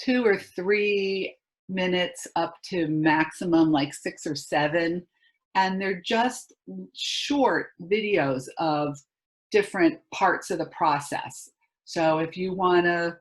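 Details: Adult woman speaking; normal speech.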